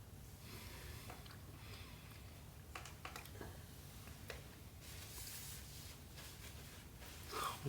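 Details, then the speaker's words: Several brief, abrupt catching sounds in a quiet room from a pet, Garply, who seems to try to hold them in; hiccups. "Sharply, do you have hiccups? I think he was trying to hold that one in. He's trying to pretend he doesn't."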